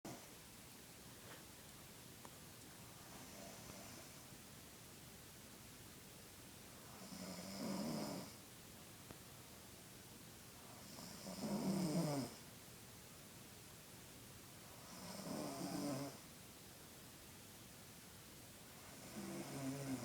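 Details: Loud, rattling snores on each inhalation, about 15 breaths a minute, in a quiet room: ordinary snoring from a sleeping sixteen-year-old boy.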